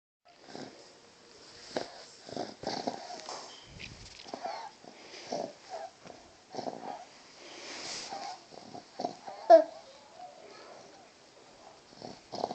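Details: Dog breathing with repeated noisy, whistling wheezes, some with a high squeaky edge, in a quiet room; wheezing.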